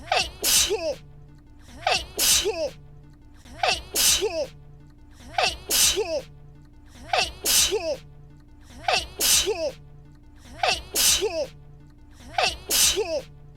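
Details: Sneeze from a VTuber, one sharp sneeze looped repeatedly about every 1.7 seconds for an hour, made by comment request, with soft music underneath.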